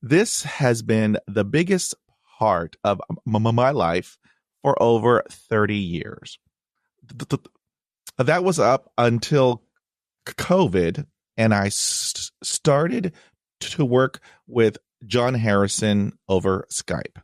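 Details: Adult male who reports a stutter with blocks and repetitions and received speech therapy in 1975; stuttering.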